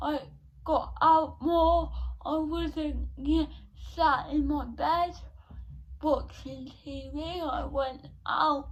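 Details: 17-year-old female with cerebral palsy since birth, diagnosed at 14 months, which she says affects her speech; speech therapy from an early age; dysarthria (cerebral palsy).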